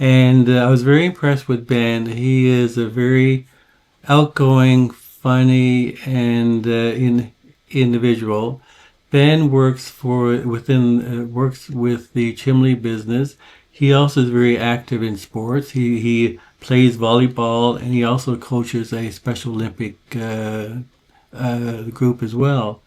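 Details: Adult who describes himself as a person with severe stuttering and uses a full-breath speech target to manage it, speaking in a podcast conversation; stuttering.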